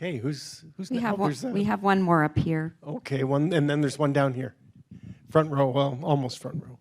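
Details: Adult man; ordinary speech.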